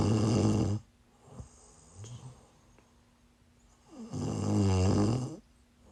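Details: Person snoring during sleep while sick, on a live stream: loud, deep rattling snores with a quiet pause and soft breath noises between them.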